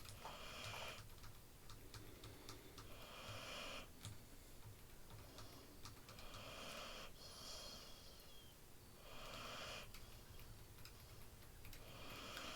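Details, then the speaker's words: Soft, rhythmic snoring breaths, about 20 a minute, from a sleeping female in the background of a small room, with keyboard and mouse clicks. "if you can hear snoring in the background it's clear she came to watch the video and i guess it wasn't entertaining enough"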